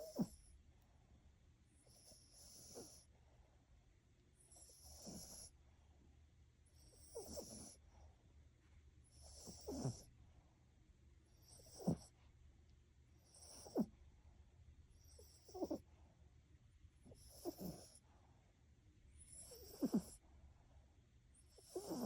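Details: Sleeping poodle snoring softly and quietly in a steady rhythm, about 30 breaths a minute.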